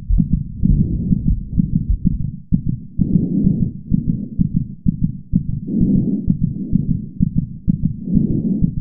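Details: Cartoon heartbeat with breathing: fast, steady thumps at about 128 a minute under soft, rhythmic breaths.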